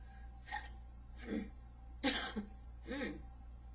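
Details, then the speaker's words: Person with hiccups who says they are bothersome and take a while to go away once started: four abrupt, gulping hiccups about a second apart over a steady background hum. "what I hope that um I hope that that uh these hiccups go away uh I hate having the hiccups because they bother me so much but um"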